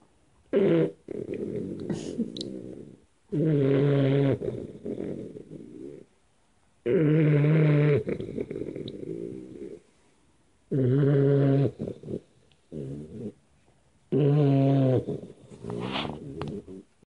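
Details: 3-month-old Pitbull puppy sleeping on a lap, snoring: loud, low, grunting, deep rattly snores with each breath, about 17 a minute, separated by quiet pauses.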